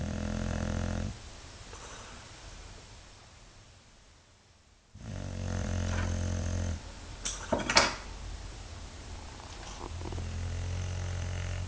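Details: Dog snoring: low rumbling snore segments with a quieter pause between them, then a couple of snuffling sounds.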